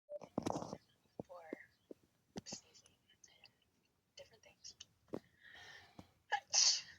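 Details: Sneezing in a woman: a sharp, forceful hissing burst at the start and another near the end, with quiet breaths and small noises between.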